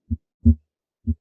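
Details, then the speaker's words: Simulated normal heart sounds on a Harvey cardiopulmonary simulator, stethoscope at the right upper sternal edge (base): clean first and second sounds, no murmur, second sound louder than the first as expected. "Doug you'll notice that the second heart sound is louder as you would expect here at the base of the heart"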